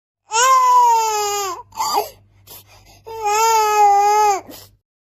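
Two long, loud, tonal newborn cries with a brief catch of breath between them; an ordinary infant cry.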